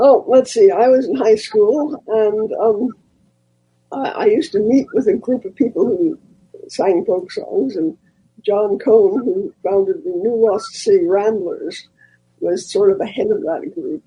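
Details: 90-year-old woman, a former singer, who recently lost a vocal cord, not caused by her polio in 1948; speaking voice differs from her singing voice; dysphonia from unilateral vocal fold loss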